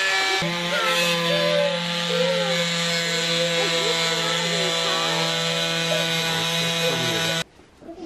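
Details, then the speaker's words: Cast removal in a young child after nearly 7 weeks in a cast for a broken femur: a loud, steady, high-pitched whine with buzzing that shifts as the blade cuts, then stops abruptly; oscillating cast saw. "he's going to be a little concerned we do this that's noisy"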